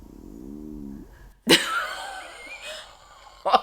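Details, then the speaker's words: A woman's audible stomach growling (borborygmi) during a podcast: a drawn-out, low, rising gurgle like squishing water, then sharper noises. "my stomach, I'm so sorry. I hope they can hear that because that was crazy. Oh my god. Lately, my stomach is so verbal that it's like I needed to stop."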